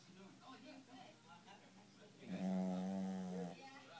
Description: Our little Rosie ( Shih Tzu ) snoring away after a long walk in the park